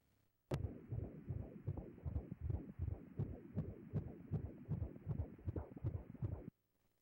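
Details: Rapid, regular whooshing fetal heartbeat at about 155 beats a minute, heard on pregnancy ultrasound at 20 weeks.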